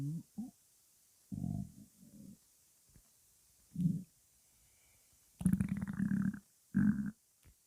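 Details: Stomach growling heard before breakfast, with deep, loud rumbling growls in several bursts, some long and droning; normal hunger borborygmi.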